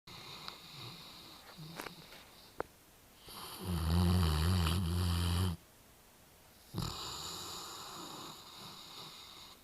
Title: Our Great Dane snoring